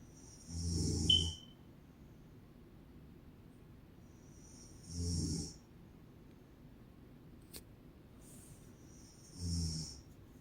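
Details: Sleeping mother snoring: rumbling snores with a hissing edge, about 14 a minute, with quiet pauses between them; snoring.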